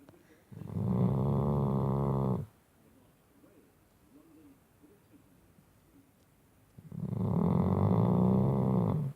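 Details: Loud snoring from a sleeping Shar Pei dog at the foot of the bed: two long, rattling snores about six seconds apart with quiet breathing between; ordinary snoring.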